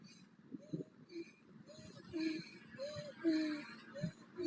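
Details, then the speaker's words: Female standing still after exercise, in a talk on asthma and dysfunctional breathing in sport, in visible breathing distress with her head rocking: rapid, labored breaths with a high, tight musical whistle on each in-breath; exercise-induced inspiratory stridor. "so you can see she's in quite a lot of distress with her breathing you can hear and it inspiration weeds going on"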